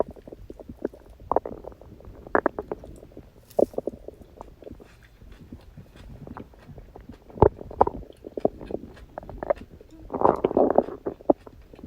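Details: Stomach growling (borborygmi) after eating cake on a birthday: quiet, irregular gurgles, pops and rumbles from the belly, with a longer gurgling rumble near the end.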